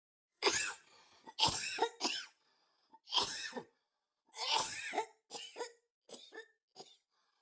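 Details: Repeated dry coughs in bouts, about eight to ten bursts, in a quiet room; coughing.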